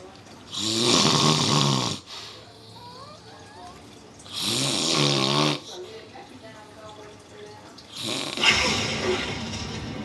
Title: Fat Man Snores